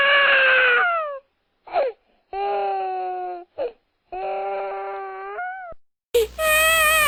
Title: small baby crying sound effects for Youtubers copyright free